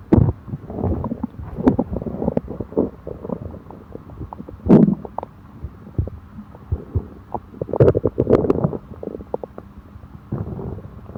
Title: Stomach upset after eating (stomach growling)